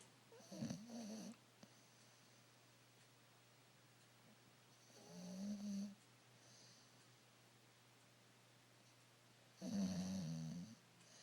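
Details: Bulldog snoring during an afternoon nap: three loud, rattling snores on inward breaths over about eleven seconds, with quiet pauses between.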